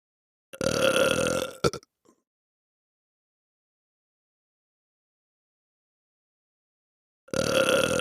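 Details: Sound-effect recording of burping: two loud, long, croaking burps separated by several seconds of silence.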